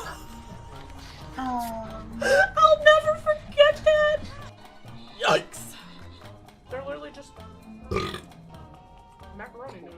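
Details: Woman burping: a long, drawn-out voiced belch followed by a few shorter burps, over background music.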